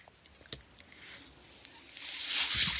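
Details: Speaker's own mechanical ventilator during a quiet pause in a podcast recording: a few faint clicks, then a soft airy hiss builds steadily, the rushing airflow of a breath, mechanical ventilator noise.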